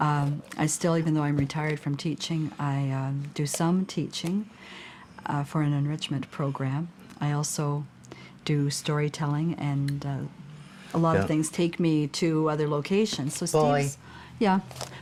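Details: Adult speaker; normal speech.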